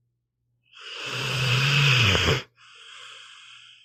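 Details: Pitbull dog asleep, audio only: one long, loud, rumbling snore on the in-breath, then a quieter hissing out-breath; snoring.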